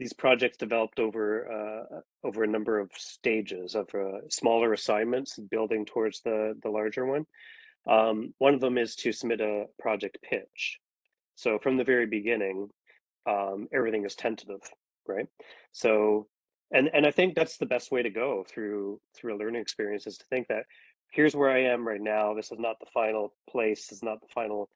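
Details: Adult man; normal speech.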